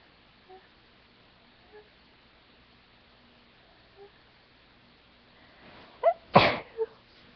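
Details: Dust-induced sneezing fit after cleaning a room: a few faint soft sounds, then a quick build-up and one sharp explosive sneeze with a short after-sound.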